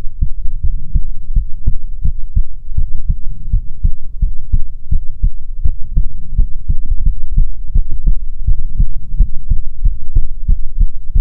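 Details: ASMR heartbeat recording: steady, deep, muffled thumps in a regular lub-dub pattern at about 75 beats a minute; a normal heartbeat.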